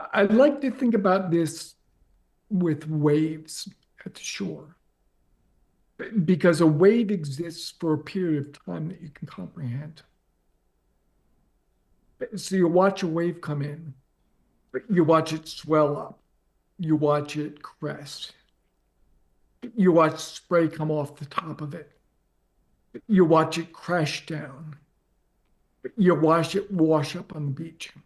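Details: Adult man with ALS diagnosed four and a half years ago, advanced and nearing end stage, paralyzed from mid-throat down; speaks using a ventilator to inflate his lungs for some voice; dysarthria in amyotrophic lateral sclerosis.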